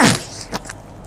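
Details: A sneeze from an adult who says she is sick and has lost her voice, recorded while talking.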